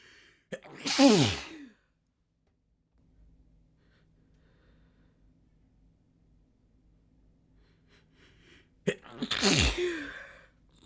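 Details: Human letting out huge sneezes at full force, mucus dripping down the face by the second sneeze: two loud, forceful sneezes, each with a sharp inbreath and explosive burst, several seconds apart.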